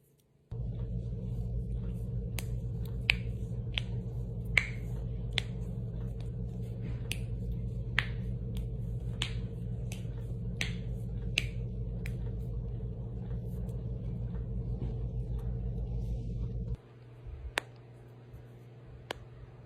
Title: cracking my knuckles- Ehlers Danlos Syndrome